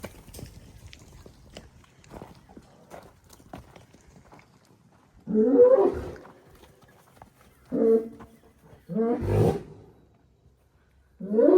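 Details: Bull outdoors: after quiet ticking, several loud, harsh, explosive blasts of breath, some voiced and echoing, consistent with forceful sneezes.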